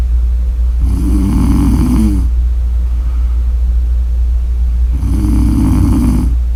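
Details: Two long, low, rattling snores on inhaled breaths about four seconds apart, over a steady low hum; ordinary snoring.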